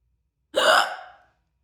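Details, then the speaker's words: A single loud, abrupt hiccup with a sharp onset and a short voiced tail; an ordinary hiccup spell. "I wonder how long this this this hiccup spell is going to last"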